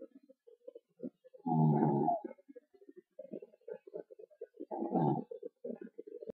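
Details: Pet animal fast asleep, snoring: two rumbling, buzzy snores with soft snuffling and lip smacking between them.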